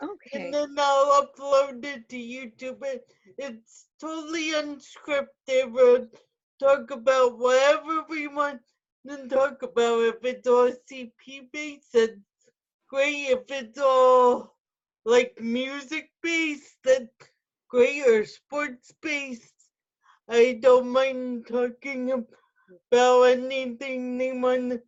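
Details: Adult woman with spastic quadriplegic cerebral palsy who uses a wheelchair; no specific speech disorder named; speech in cerebral palsy.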